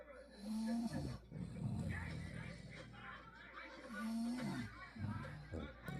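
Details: Sleeping dog snoring: low rattling snores with rhythmic breaths in and out and a brief whistling tone on inward breaths; tagged snoring, apnea.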